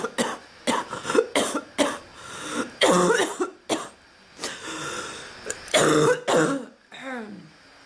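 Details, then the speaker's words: Adult woman with an ongoing cough, still not better after earlier bronchitis: repeated harsh coughs and throat clearing in irregular bursts over several seconds; persistent, frequent cough. "I'm still not any better. I've been coughing so much the bird learned to cough."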